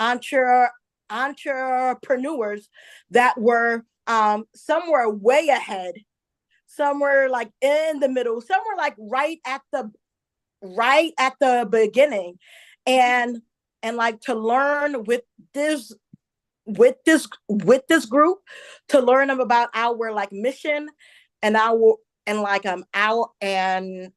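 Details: Stuttering in an adult woman who identifies as a stutterer and stuttered a lot as a child; she also reports a traumatic brain injury from a 2012 accident. This stretch has word and part-word repetitions.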